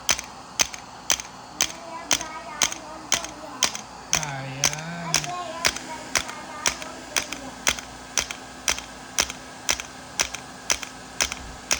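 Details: Integrative shockwave therapy for pain at the back of the knee (popliteal area), set to 3Hz/90mJ × 1,000 shocks: sharp, regular clicking pulses, about one per second, with faint background music.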